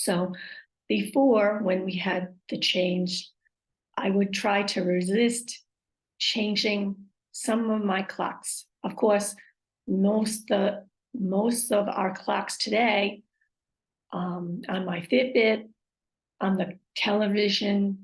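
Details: Aphasia with apraxia of speech and dysarthria after a stroke, with trouble saying the time aloud and finding words.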